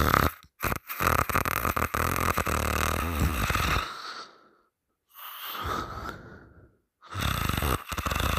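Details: Loud, rough, rattling open-mouth snoring in sleep with pauses between breaths; bed partner held the sleeper's nose shut three times, waking them the third time.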